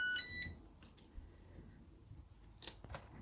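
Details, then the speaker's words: Low-insulin reservoir alarm on a Tandem t:slim X2 insulin pump, set by a person with type 1 diabetes on site-change day, with 21 units left: a short burst of high electronic tones, then quiet room noise. "my pump's now telling me that i'm low insulin that i've only got 21 units left um and that's an alarm i've set up on there"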